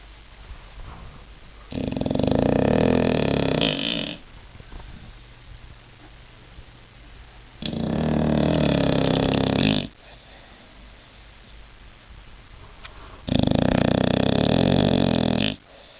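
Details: British bulldog sleeping flat out, snoring loudly: rattling snores on each in-breath about every six seconds, with quiet pauses between.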